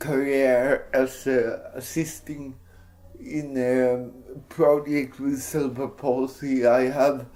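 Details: Dysarthric speech in an adult man with cerebral palsy.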